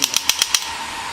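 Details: Shockwave therapy machine demonstration: after gel is applied over the pain point, the handpiece button is pressed, giving a rapid series of five sharp clicks, about eight a second, over a device hum as the handpiece fires pulses.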